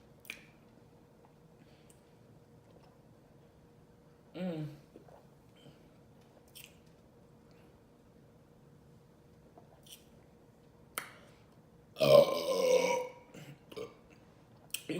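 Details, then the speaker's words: Burping (eructation): a short voiced belch, then a louder rough belch, amid soft mouth and eating noises from a woman feeling very full after a KFC chicken-and-waffles meal with Coca-Cola. "and there you have you guys I'm super full big burps I had coca-cola"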